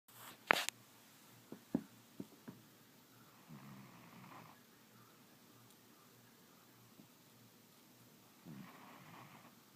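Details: Snoring in a sleeping cat: soft, low rumbling breaths rising and fading about every five seconds, with a few faint clicks early on.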